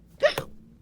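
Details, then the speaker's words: Acted, not real: a character voice gives a single sharp, voiced gulp with a quick catch after eating too many gummies; a hiccup. "think you have hiccups yeah you definitely have hiccups dude wait hiccups what does that mean well it means you eat something too much you have hiccups"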